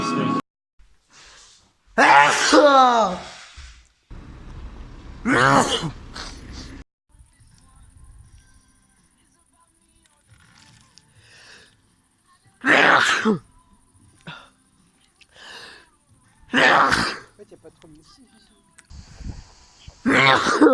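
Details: Several loud, sharp sneezes spaced by quiet pauses and faint breaths; a long run of repeated sneezing.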